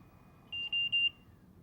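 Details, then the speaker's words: Trilogy 100 ventilator start-up tone after pressing the start/stop button: three short high-pitched electronic beeps over quiet room hum as the red and yellow alarm LEDs flash briefly, signalling that therapy has started. "the red and yellow alarm LEDs turn on momentarily and an audible indicator lets you know that therapy has started"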